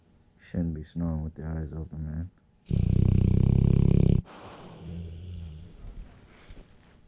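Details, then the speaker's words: Loud, rough, rattling low snores, a few short bursts then one long rumbling one, from a sleeping blue nose pit bull dog snoring with eyes open; recorded on a GoPro Hero 7 Silver; snoring. "Tank, you snore really loud."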